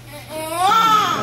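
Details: Newborn cry at a home birth, shortly after delivery: brief rising, clear, strong, well-voiced cry; normal healthy newborn.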